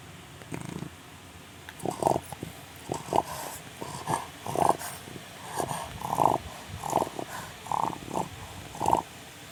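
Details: Sleeping Chow Chow dog snoring.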